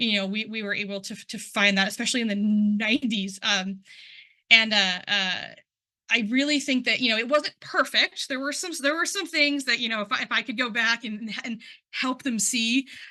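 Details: Adult person who stutters, involved in stuttering communities for about 10 years, presenting at a stuttering event; real speech with word and part-word repetitions, showing stuttering.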